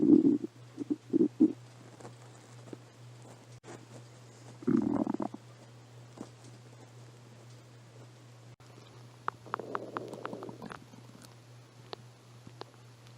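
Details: Stomach growling in a person with a cold who had not eaten all day, recorded on a phone: short low gurgles and a longer bubbling rumble over a steady background hum.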